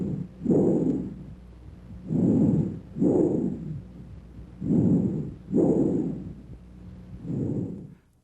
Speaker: bronchial breath sounds are louder and higher in pitch than vesicular sounds the expiratory sound lasts longer than the inspiratory sound and a silent gap separates these two sounds normally bronchial breath sounds are sometimes heard over the manubrium